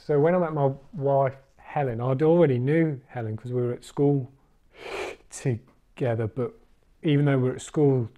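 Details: Adult man, a recovering stammerer who has completed the Starfish stammering course; stammering (stuttering).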